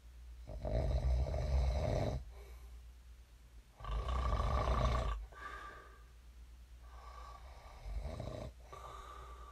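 Rumbling, vibrating snores on breathing in, three in under ten seconds, with softer breaths between. Ordinary snoring in sleep.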